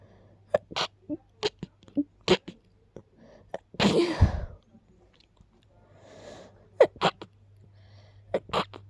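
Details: Person who is a little sick, with a very stuffy nose: several sharp, abrupt congested sneezes with quick breaths between them.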